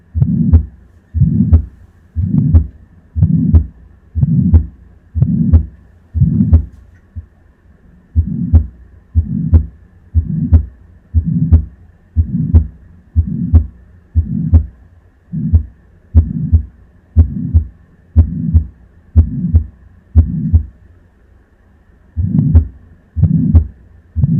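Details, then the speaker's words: Simulator heart sounds at about 60 a minute: aortic stenosis, with a coarse murmur filling each systole; possibly weakened first and second sounds at the aortic valve point. "стеноз устья аорты возможно при этой патологии будет ослаблены первый тон а также ослабление второго тона в точке выслушивания клапана аорты аортального клапана"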